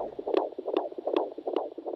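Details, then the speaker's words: Fetal heart on handheld Doppler for intermittent auscultation during pregnancy: rapid, regular whooshing beats about 150/min, like a galloping horse, a normal fetal heart rate. "traditionally midwives have monitored a fetal heart rate at key stages in the delivery of a baby sounds like a galloping horse"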